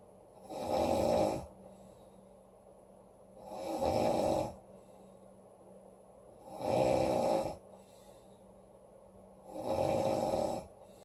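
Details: Female snoring loudly: rough snores on each breath in, about 20 a minute, with quiet pauses between them.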